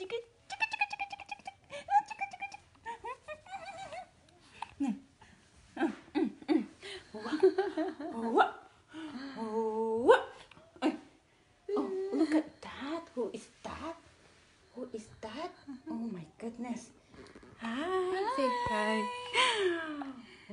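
Short, sharp voiced catches break in among talking and soft vocal sounds in a small room; hiccups.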